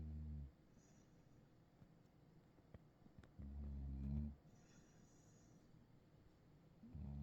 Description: Deeply sacked out Cattledog caught snoring.